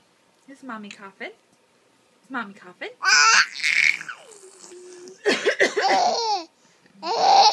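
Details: A few ordinary coughs from a mother, mixed with her baby boy's loud belly laughter and babbling at the coughing.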